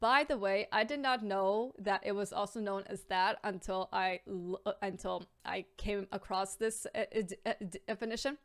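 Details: Adult woman with a stammer, audible word repetition; stuttering (stammer).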